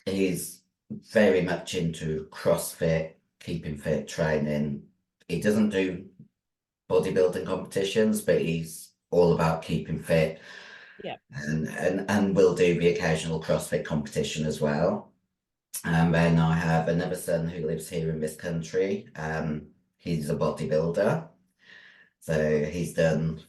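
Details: Androgen-induced voice deepening (virilized voice) in a 56-year-old female bodybuilder after large-dose anabolic steroid use, including male steroids; voice formerly high-pitched, now very deep, can no longer sing; also has chronic kidney disease.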